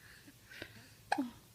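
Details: Will hiccuping: two brief, sharp voiced catches in a quiet room, the second louder, each a sudden gulp of breath; hiccups.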